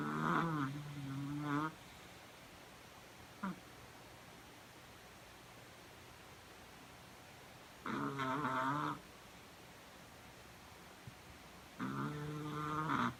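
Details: Sleeping pet, exhausted after a long day of slalom skating practice: three long, droning, rattly snores about every five seconds with quiet between; snoring.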